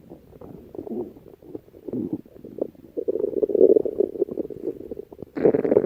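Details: Gurgling, bubbling stomach growling of varying loudness, ending in a louder gurgle.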